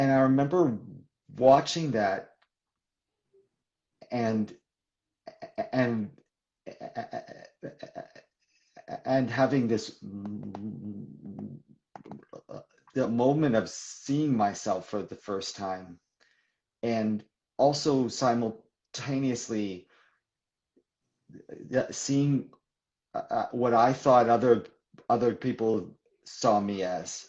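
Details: Adult man who describes himself as a person who stutters, in live conversational speech; stuttering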